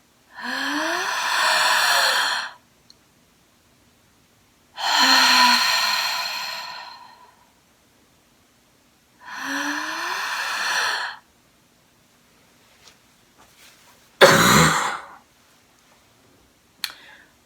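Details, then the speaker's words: Three long, deliberate exhalations then one forceful cough, ending a six-breath cycle with five-second holds, from an adult on about day 20 of COVID-19 with fever near 102°F and chest pain; voluntary cough. "it's two cycles of six breaths you breathe in five times and after each inhalation you retain the breath for five seconds before you exhale it out on the sixth breath you are to cough robustly so I will just do one cycle to demonstrate"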